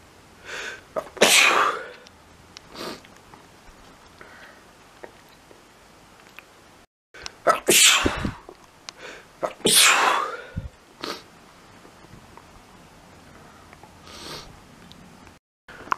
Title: lots of sneezing, can't stop.